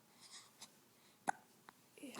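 Short sharp hiccup-like catches, one clear and a couple faint, over quiet room noise; hiccups.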